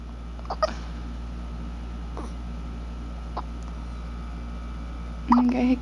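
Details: A two-week-old baby with hiccups.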